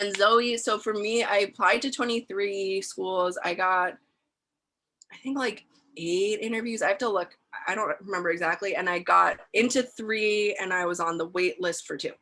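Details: Adult female speaker; normal speech.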